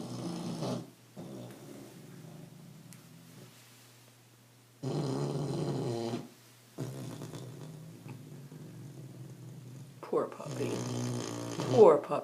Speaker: Mandy went to the mall today and now listen to her have you ever heard a dog snore as loud as that